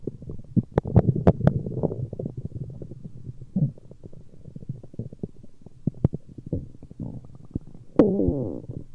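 Continuous low gurgling and rumbling with crackling pops and a longer groan near the end. Stomach growling from gas and fluid moving through the gut.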